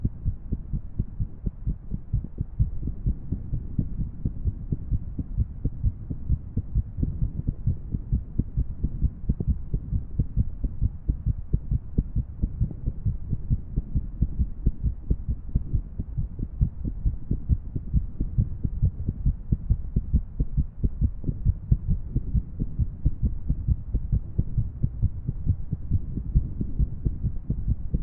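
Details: Irregular heartbeat from a female: fast, dull heart thumps with uneven spacing between beats.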